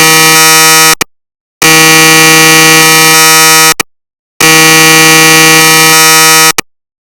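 Loud, harsh buzzing tones in repeating blocks about two seconds long with short gaps, a recreation of MRI scanner gradient noise.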